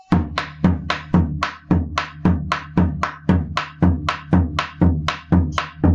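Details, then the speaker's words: Drum-struck imitation, not a real patient, of heart sounds in a tachycardic patient: rapid paired beats showing a fast heart rate. Tachycardia. "Entonces, ahora, si el paciente está taquicárdico, sonaría algo más parecido a esto."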